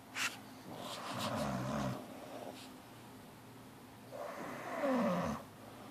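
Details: Two sleeping animals snoring together: slow, rough breathing noises with a rumbling, fluttering quality, a few seconds apart; snoring.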